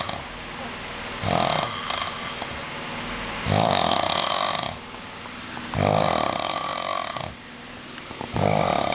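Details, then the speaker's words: Man in deep sleep who will not wake: loud, harsh, rattling, sustained snores about every two and a half seconds, keeping a roommate awake; heavy sleep snoring. "Dude, you're snoring like a fucking maniac right now. And you will not wake up for anything."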